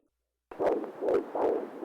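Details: Rapid whooshing pulses of a fetal heartbeat picked up by a Doppler fetal monitor, about 130 beats a minute.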